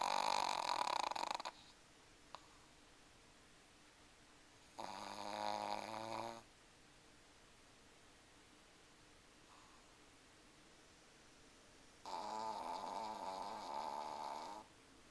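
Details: Dog sleeping in her favorite spot by the kitchen window, snoring loudly: three raspy, fluttering snores about five seconds apart, roughly 12 breaths a minute, quiet room.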